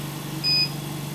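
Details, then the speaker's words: One short high electronic beep over steady machine hum as a button press resets the timer on a running Canta Intelligent V 8 L/min veterinary oxygen concentrator: device beep. "to confirm our time we can press the enter button we can see the timer is now set as a small clock has appeared at the bottom right of the displac screen"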